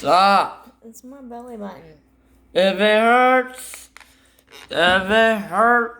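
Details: Son with both autism and Tourette syndrome, filmed by his mother showing his most common vocal tics, including repeated phrases; complex vocal tics (Tourette syndrome).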